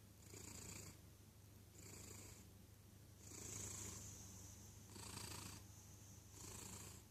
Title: Cat snoring